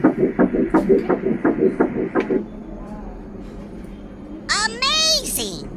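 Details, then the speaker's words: Fetal heartbeat on a monitor at an early pregnancy check after a day-5 embryo transfer: one embryo placed, now twins. Rapid rhythmic whooshing pulses at roughly 170 a minute, fading out, with brief electronic tones at the end. "Heart beat వినిపిస్తాను చూడండి baby heart beat okay"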